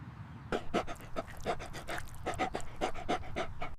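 Fast, loud, forceful dog panting at roughly 300 breaths a minute. This kind of heavy panting is an early warning sign of heat stress.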